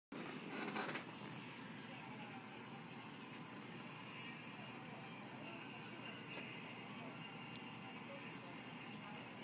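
A steady, even hiss from a running nebulizer, with a brief rustle at the start.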